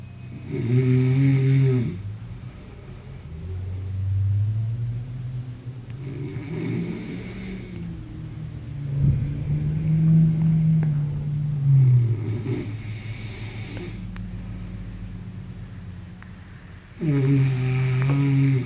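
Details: Very loud, deep, rumbling snores about every five seconds, roughly 11 a minute, each long and vibrating; heavy snoring.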